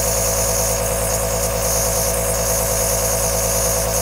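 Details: Steady hissing hum with fast, even mechanical pulsing from a running aerosol compressor nebuliser, recorded as long soft white noise for sleep, relaxing or soothing a baby.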